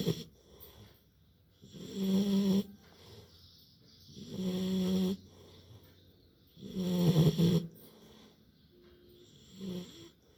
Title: Cute Labrador puppy snoring after playing | puppy snoring loudly while sleeping.